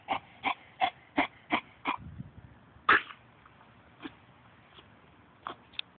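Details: A female dog recovering from a spay gives a rapid run of harsh, hacking coughs from kennel cough.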